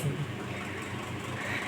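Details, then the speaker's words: Elisa 600 anaesthesia ventilator being switched on: steady mechanical hum and rattling whir as its air compressor, which supplies air to the machine, starts up; normal running sound. "उसके बाद यहां से एक क pressure on करना है compressor on होने के बाद ऐसी आवाज आती"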